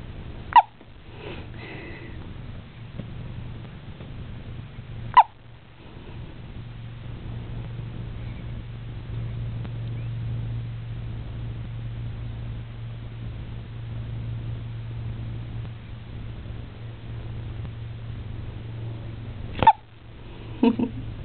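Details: Hiccups in newborn boy, with mild jaundice: soft, sudden, brief hiccup sounds, about four in twenty seconds, over a steady low room hum; infant hiccups.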